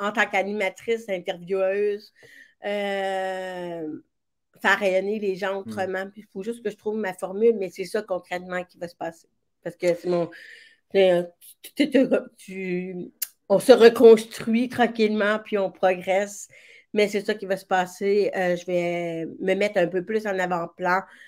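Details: Speech of a woman with severe-to-profound deafness who hears with a hearing aid in her right ear and now also a cochlear implant, and who trained her voice on her own; deaf speech.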